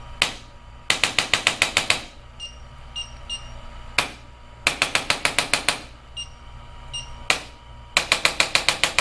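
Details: Bursts of about six rapid sharp mechanical clicks from a handheld chiropractic adjusting instrument applied gently over the coccyx of a patient with intense, sore tailbone pain.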